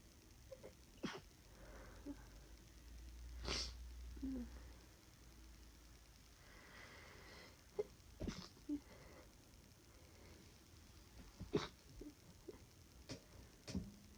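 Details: About six short, held-back sneeze bursts with sniffs and breathy noise between; real-time stifled sneezing fit during flu, sneezes unable to reach full force, person exhausted after little sleep.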